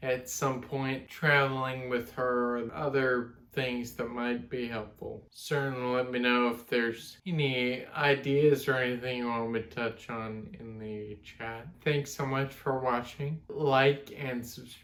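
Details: 32-year-old man with Friedreich's ataxia, a genetic degenerative neuromuscular disorder; speech affected since his mid-20s; ataxic dysarthria.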